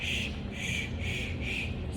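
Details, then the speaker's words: Testing a suction catheter connected to wall suction on low intermittent setting by drawing up normal saline before tracheostomy suctioning: loud slurping, hissing suction in short repeated surges, confirming suction works. "i'm going to go ahead and test out my suctioning with the water"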